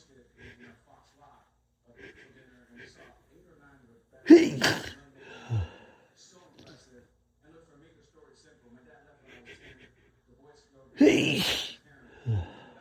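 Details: Sneezing with a cold: two sharp sneezes, each with a quick breath in before and a short sound after, over faint background talk.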